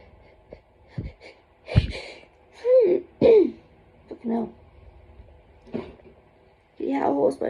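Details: Adult with autumn hay fever: forceful sneezes with voiced, strained build-up breaths, followed by complaints of a hoarse, sore throat.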